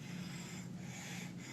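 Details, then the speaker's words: Sleeping child in a pediatric emergency lecture: harsh, low-pitched, raspy inspiratory stridor with barking cough from upper airway narrowing; inspiratory stridor. "estilo el exterior fundamentalmente es ese sonido eso se llama estilo todos de perro estilo y usualmente es inspirador"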